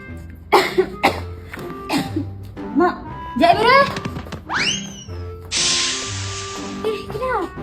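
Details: Acted dry cough bursts from an adult over background music, in a cough remedy advert about coughing after COVID; followed by brief voices and a whooshing effect.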